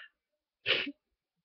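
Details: A single sharp, hissing sneeze after a brief sound in a quiet room, from someone in bed with a cold that began with fever and sore throat, now very stuffy and sniffly, with sneezes slow to come out.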